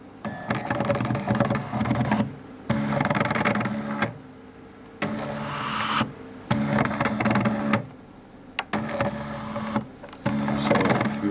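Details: DIY 3D-printed low-cost ICU ventilator prototype running: motor whirs in repeated one-to-two-second runs with short pauses, squeezing the bag, with a one-second rest period between respirations.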